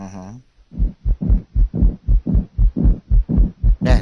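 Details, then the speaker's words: Teaching recording of a pericardial friction rub at a heart rate of 120 a minute. "now listen to a pericardial friction rub at the heart rate of one hundred twenty"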